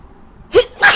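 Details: A quick indrawn catch then one sharp, noisy sneeze at 3 a.m. from a person with a bad cold and a blocked nose who cannot breathe through it, reportedly while drunk, in Australia.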